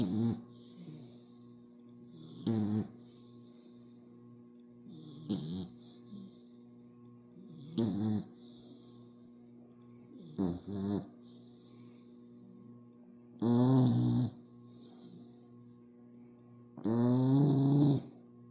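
Soft, irregular snorting snores from a sleeping puppy, about 17 a minute, over a steady low room hum.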